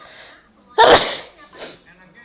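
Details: An adult mother's loud, sharp sneeze followed by a softer second burst; her baby is described as afraid of the sneezing.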